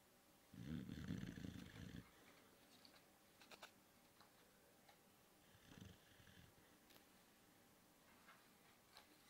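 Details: Six-month-old Bullboxer dog named Leonard snoring while asleep as owners try to wake him: low, rumbling snore, then quieter breathing and small room noises.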